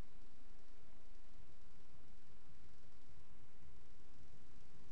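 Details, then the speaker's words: Low, muffled heart sounds in a quadruple gallop rhythm: third and fourth heart sounds alongside the two normal ones, with both sounds seeming split, from a teaching example of abnormal cardiac auscultation. "los cuatro ruidos cardíacos un galope típico ritmo de cuádruple"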